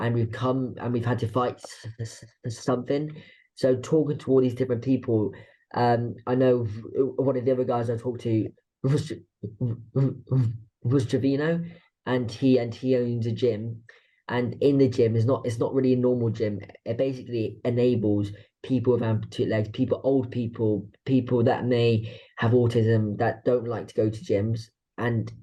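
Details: Adult woman with a stammer that involves blocks and anticipation before speaking: stammering.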